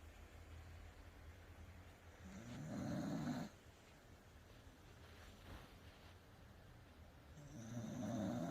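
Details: Welsh Corgi dog snoring while sleeping after a bath: soft low rumbling snores on slow breaths, with quiet background hum between.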